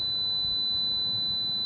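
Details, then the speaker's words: Simulated tinnitus: a steady, piercing high-pitched ringing tone imitating constant, 24-hour ear ringing. "இந்த மாதிரி ஒரு சத்தம் காதுக்குள்ளே 24 மணி நேரமும் இருக்குது. அந்த மனுஷனோட மனநிலை யோசிச்சு பாருங்களேன்."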